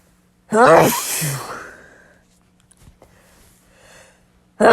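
A sharp voiced intake then a forceful hissing burst, a single sneeze, with another starting at the end.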